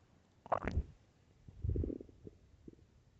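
A low growl followed by bubbling gurgles from the belly; ordinary hunger bowel sounds.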